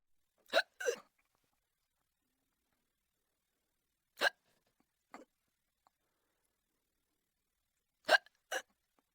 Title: Hiccups(audio only)